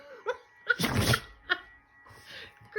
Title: Haaaa ha Choo (sneezey storm)